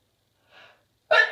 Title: chhinkni cold sneezes